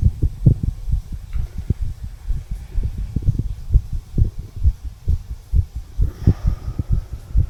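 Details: Steady low thumps of normal heart sounds through a stethoscope with low hum behind, 34-year-old male, tricuspid valve area.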